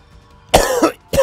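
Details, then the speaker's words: Two loud, abrupt dry coughs from an adult man with a nasty cough lasting two to three weeks since having the flu, while gaming. "it feels like you have no control over when you cough and and you know how much it affects you at all"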